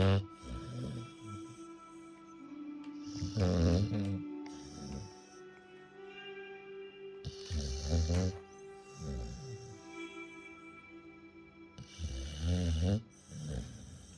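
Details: Cane Corso dog snoring: loud, low rattling snores about 13 a minute, uneven, with music in the background.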